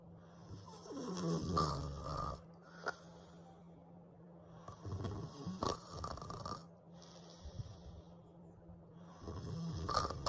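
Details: Simulated snoring made with text-to-speech for an animated baby character sleeping in a crib: soft, rhythmic snuffly snores on each breath, with a faint steady room hum.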